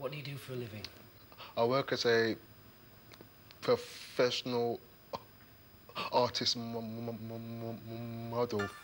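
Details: 28-year-old man with a stammer, attending a stammering course, who has avoided the phone because of his stammer; stuttering.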